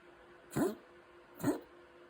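Two short, hoarse coughs from a dog about a second apart, with steady low hum in the background.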